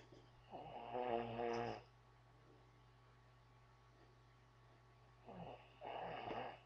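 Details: A sleeping man snoring: two loud, vibrating snores with a buzzy, almost voiced quality, about five seconds apart, over a steady room hum.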